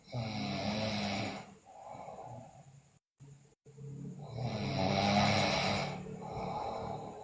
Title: Sleeping Girl Loudly Snore, Bruxism, Delirious